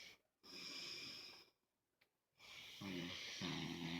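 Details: Father snoring: harsh rattling snores with a short silent pause between them during sleep.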